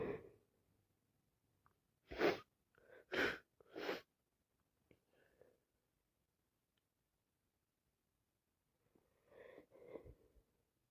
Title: Sneeze after sneeze after blow and blow